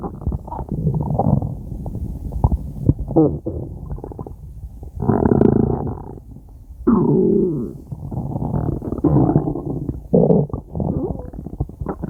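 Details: Five-minute recording of stomach growling (borborygmi): long, gurgling, rumbling abdominal noises rising and falling continuously.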